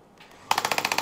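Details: Rapid, regular sharp clacking pulses, about eight a second, from a radial shockwave device in a podiatry office, treating the painful Achilles insertion of a female patient lying prone, with ultrasound gel applied.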